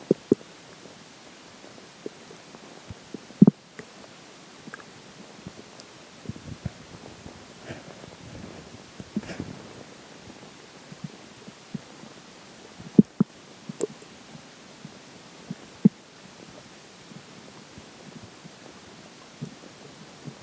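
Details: Scattered gurgles and brief clicks over a quiet background, after a slice of pizza for breakfast and McDonald's for lunch; ordinary stomach growls of digestion.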